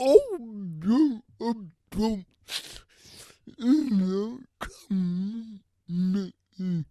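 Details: Adult with cerebral palsy who uses a wheelchair and walker and reports a speech disability; his speech is revoiced by another speaker; dysarthria (cerebral palsy).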